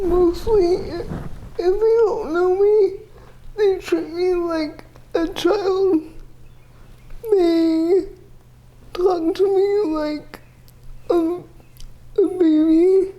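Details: Dysarthria in a 30-year-old woman with GMFCS level 4 cerebral palsy, quadriplegia with an athetoid component; speech is somewhat hard to understand because CP affects her muscles.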